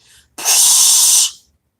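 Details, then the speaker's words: An adult CPAP user vocally imitates BiPAP bilevel airflow: a short faint puff, then one steady blowing hiss that stops abruptly, mimicking the machine pushing air, then backing off. "as opposed to with the BiPAP it's gonna go then back off for a second"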